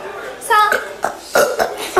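Several short, throaty, voiced bursts made on purpose into a microphone. Deliberate burping sounds performed for an audience.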